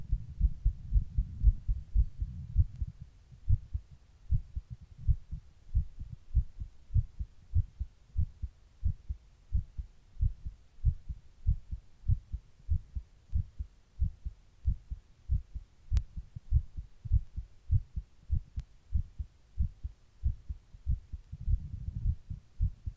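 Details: Heartbeat just after stopping rebreathing into a plastic bag: deep, steady thumps at a fast pace, roughly 100 a minute.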